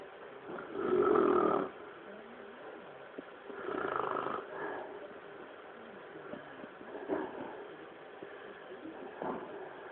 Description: my dad snoring his head off !!!!!